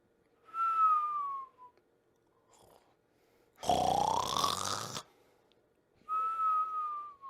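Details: Snoring problem: thin whistling breaths alternating with a loud buzzing snort, repeating with each breath; whistling nasal snoring.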